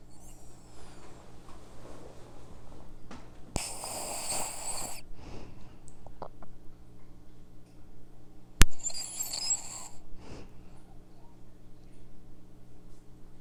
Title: Dog snoring mic